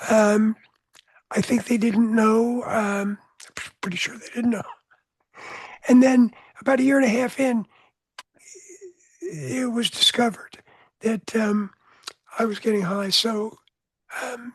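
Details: Adult man with voice change after throat cancer treated with surgery, radiation and two years of experimental chemotherapy, with no recurrence since; voice change after throat cancer treatment.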